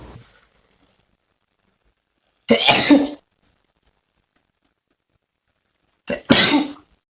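Two sharp, explosive bursts a few seconds apart, each with a brief catch before the forceful, hissing expulsion, in a quiet room: sneezes.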